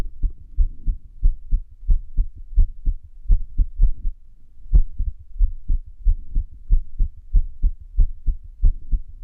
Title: 不整脈心音 irregular heartbeat sound